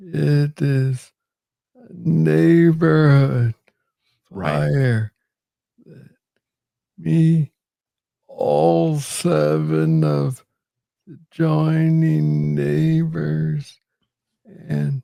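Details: Adult man with Parkinson's disease, diagnosed in 2014 at about age 35 after it was first misread as tennis elbow; real conversational speech; slow speech rate (Parkinson's disease).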